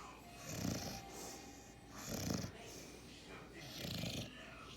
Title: Puppy snoring and won’t wake up